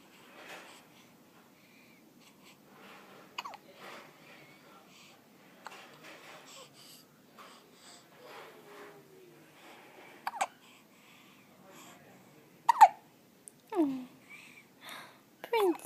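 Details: Hiccups in a 1-week-old infant: soft infant sounds with brief, sharp hiccup catches recurring every second or two.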